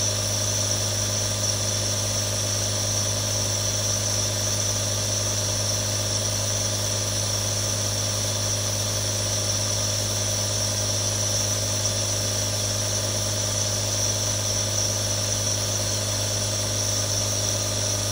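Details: Real recording of a nebulizer running: a constant mechanical hum and buzz with hissing air, unchanging throughout, as the nebulizer compressor operates.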